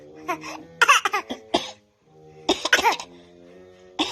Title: Fake coughs become real ones